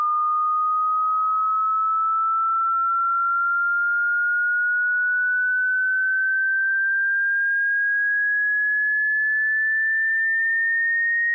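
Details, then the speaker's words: Tinnitus pitch-matching frequency sweep: a single clean pure tone glides slowly and steadily upward, from a moderately high whistle to a higher one. "durante los próximos 60 segundos escucharán. el sonido más bajo que el oído humano puede escuchar hasta su tono más alto"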